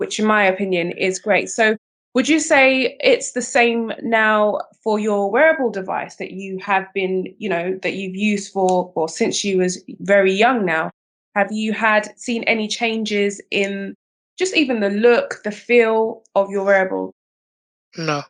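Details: Adult woman speaking, brief reply from a second voice at the end; normal speech.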